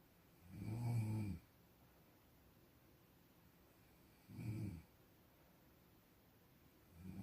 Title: 코고는 소리 - Sound of snoring